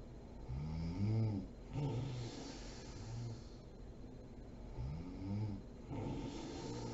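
Deep, rumbling snores with a fluttering, vibrating quality, repeating over several breaths; snoring in sleep.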